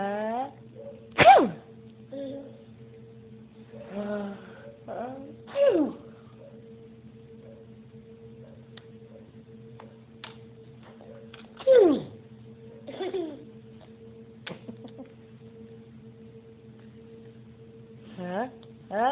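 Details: A baby makes pretend sneezes: several breathy 'achoo' bursts with voiced inhalations over a steady background hum; an imitated sneeze.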